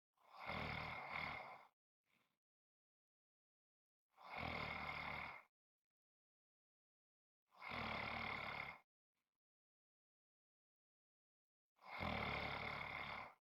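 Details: Long harsh rasping breaths about every four seconds, roughly 15 per minute, with silent pauses between; snoring.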